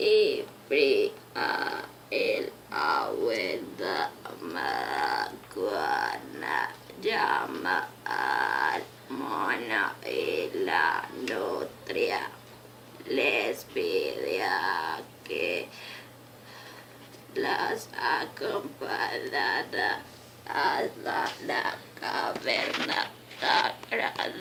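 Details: Spanish-speaking patient sample illustrating dysarthria; the specific dysarthria type is not stated.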